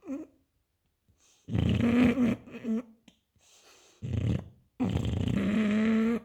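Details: Loud, rough, snorting breaths in irregular bursts with grunting tones from an English bulldog snoring in its sleep.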